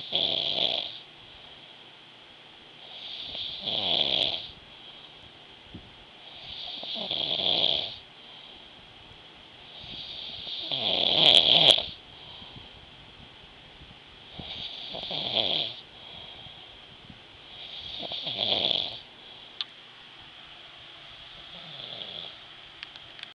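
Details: Person sleeping and snoring: rhythmic rattling snores with each breath, about 17 a minute, over a steady background hum.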